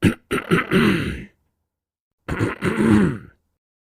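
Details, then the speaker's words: Simulated throat clearing, imitated to teach the Arabic letter ح (ha): two deliberate, gruff throat-clearing bursts separated by a pause; throat clearing. "The sound of coughing or clearing the throat. When we cough, we say ha. And when we clear our throat, we say ha."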